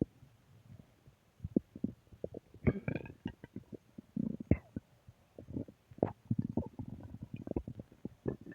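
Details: Stomach growling (borborygmi): irregular low gurgles and rumbles in a quiet room, ordinary growling from gas and fluid moving through the gut.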